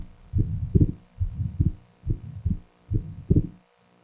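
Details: Atrial septal defect: first heart sound, ejection systolic murmur from increased flow across the right ventricular outflow tract, and split second sound (fixedness not discernible); regular rhythm about 70/min.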